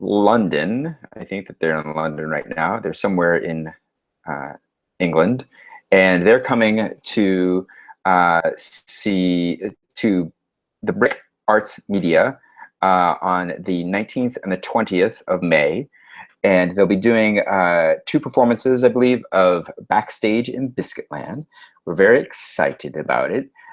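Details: Adult male speaker; ordinary speech.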